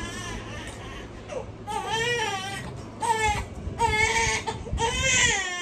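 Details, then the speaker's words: A very upset infant boy cries at night in repeated, strained wails with brief gasping pauses; infant crying. "So we gotta take a break to see what's wrong with the baby."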